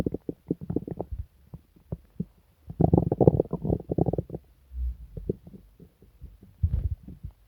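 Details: Person sick for several days with stomach pain, diarrhoea and nausea: borborygmi, loud deep gurgling and growling bowel sounds in rapid bursts.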